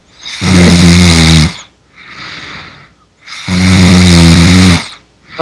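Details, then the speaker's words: Person who fell asleep during a Skype call: loud, coarse, rattling snores on each in-breath with quieter out-breaths, two cycles about three seconds apart; snoring. "Ooh, you're snoring louder."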